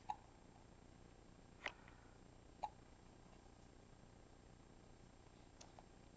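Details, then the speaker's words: Infant girl with hiccups while cooing and kicking her legs: soft, sharp little hiccups, three close together then one more, over quiet room noise. "yeah i got the stupid hicups h yeah i don't like the hicups i don't like the hickup m ok"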